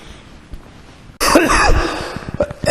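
After quiet room noise, an adult gives a loud sudden cough with a rough, throaty follow-through.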